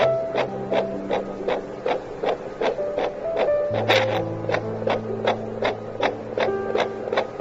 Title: HOMEDOREMI FETAL DOPPLER